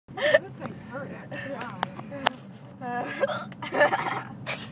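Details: Hiccups in a twin: abrupt, sharp hiccup catches breaking up high-pitched voice sounds and chatter.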